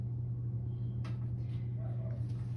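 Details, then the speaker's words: Femoral artery auscultation with a stethoscope during an abdominal assessment of a male patient lying flat: steady low rumble with faint contact clicks, no whooshing, so no femoral bruit (normal). "patient doesn't have any switches or breweries it would be it wouldn't be very wealthy heady it could be stenosis partial occlusion or aneurysm of arteries"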